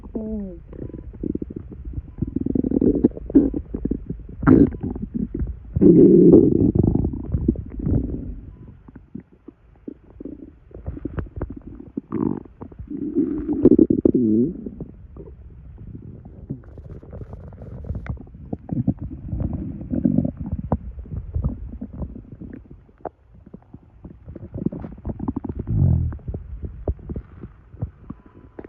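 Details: Stomach gurgling in a male after drinking two sodas' worth of carbonated liquid: loud, frequent gurgling and bubbling rumbles with irregular low squelches from gas and fluid, i.e. bowel sounds.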